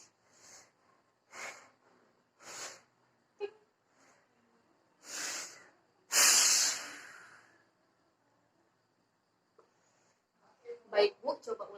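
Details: Several breaths, then a long forceful blowing exhalation over a second: demonstrated vital capacity spirometry manoeuvre in a physiotherapy cardiopulmonary exam for shortness of breath, nose pinched, normal breaths then long breath out.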